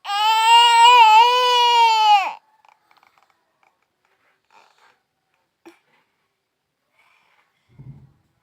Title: My Baby Sound